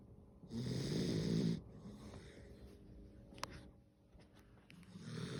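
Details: Snoring during sleep: one loud, rough, rattling snore on an in-breath, followed by quieter breathing and faint room noises, then the next snore beginning.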